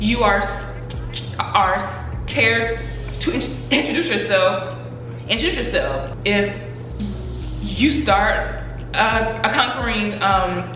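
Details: Adult woman who stutters, speaking in a Q&A about her own stuttering; stuttering.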